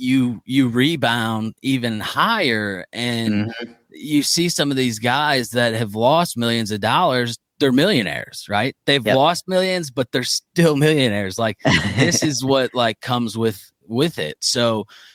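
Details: Adult man speaking; typical speech.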